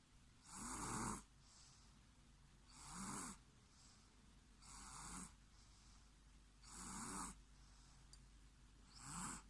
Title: Carbon copy of snoring 😴 😴 😴 😴 😴 😴 😴 😴 😴 of baba